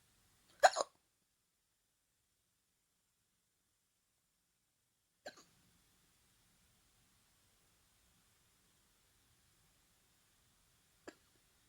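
Three short, sharp hiccup sounds spaced several seconds apart in a quiet room, typical of hiccups.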